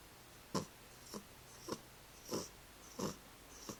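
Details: 11-month-old female cat snoring while curled up asleep in her owner's arms.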